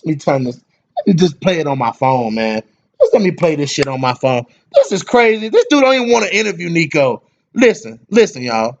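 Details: Adult man speaking; ordinary speech.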